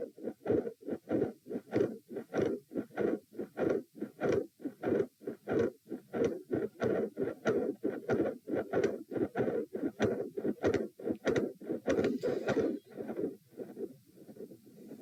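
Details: Midsystolic heart murmur, loud and bouncy, with 3 and 4 heart sounds, recorded at position p lying down during provoking manoeuvres: first attempt at an effective Valsalva, producing different sound patterns.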